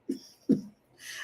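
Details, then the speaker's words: Two quick, soft sneezes from a 16-year-old female cat with allergies, followed by a faint hiss of air in a quiet room. "That's my cat sneezing. Can you hear her? Oh my God, that's so cute. Yeah, her little allergies. My 16-year-old cat."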